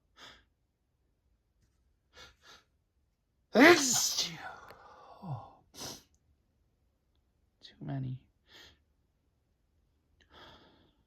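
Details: Single loud, sharp sneeze with breathy trailing exhale, then soft breaths, in a small room; one of a run of repeated sneezes, in December; sneezing.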